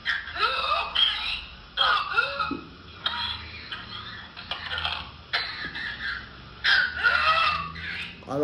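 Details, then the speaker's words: Whooping cough (pertussis) paroxysm, apparently in an adult: repeated harsh cough bursts with strained, high-pitched whooping indrawn breaths between them, sounding asphyxiating, as if breath will never return. "vous avez vu déjà quand il tousse on a l'impression qu'il va jamais reprendre son souffle qu'il s'étouffe et au moment où le souffle revient bah vous avez entendu c'est vraiment impressionnant"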